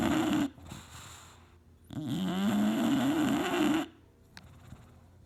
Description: This is Hunter my 2year old English Bulldog having a nap snoring up a storm on his favourite leather chair.